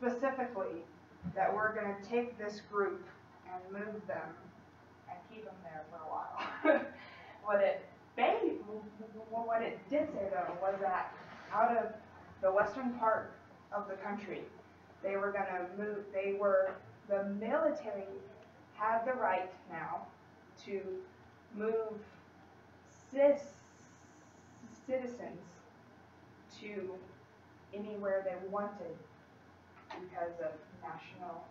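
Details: Female college student who stutters, in speech-language therapy with a fluency technique she sometimes struggles to use, giving a practice presentation to 10-15 people at her clinic, trying not to avoid or substitute words; she stutters more before unfamiliar people or large audiences; stuttering.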